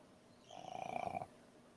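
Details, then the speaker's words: Pet dog asleep on owner's lap: single drawn-out, fluttering snore with a steady buzzing tone; ordinary snoring. "Naririnig niyo yung hilik? Oo nga, meron. Yung Sabi aso. ako, Yung alaga. Nandito siya sa kandungan ko, natutulog."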